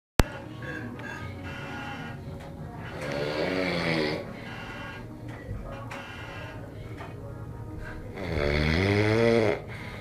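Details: Overweight man snoring while napping: loud, rattling, pig-like snores, two long vibrating breaths in ten seconds, faint music or television in background.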